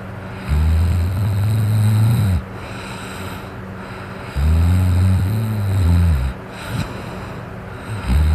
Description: Me snoring after being drunk it's a little hard to hear because I had my fan on ( I was hot!) I snore so loud I'm kind of embarrassed!